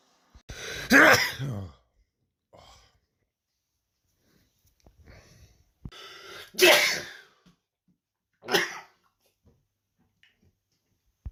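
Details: Three loud, explosive sneezes with short breaths between, from a person whose nose reacts to smells and sunshine; sneezing.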